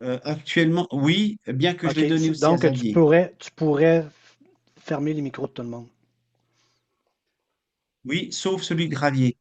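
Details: Adult man speaking French; normal speech.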